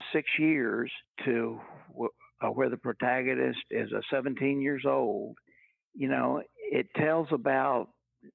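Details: Older adult man, retired after a 40-year career and raised in the 1950s, who has stuttered all his life since he began talking; speech therapy and family history are discussed; real, not acted; stuttering.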